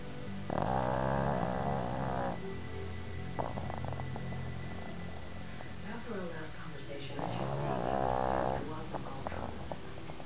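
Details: Loud, rattling snores in long drawn breaths from a dog taking a deep afternoon nap, with television dialogue in the background; heavy snoring.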